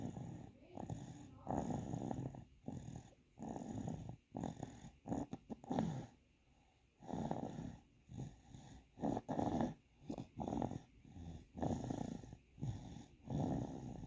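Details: A sleeping baby snoring a little: soft, rhythmic snoring with low rattly noise on each breath.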